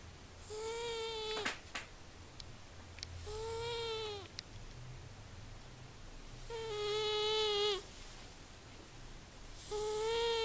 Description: cat snoring very loud and living very unconfortable life in my bed :-)))